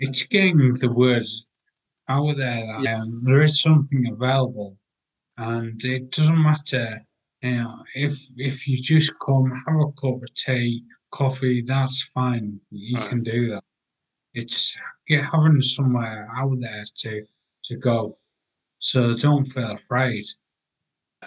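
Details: 43-year-old man with aphasia acquired about six and a half years earlier after a major car accident causing coma, ICU care and 11 months in hospital; he reports language breakdown and difficulty getting words out.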